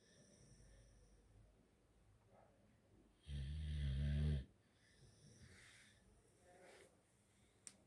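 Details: Sleeping pit bull that snores a lot: one deep, buzzing snore lasting about a second, between soft quiet breaths; ordinary dog snoring.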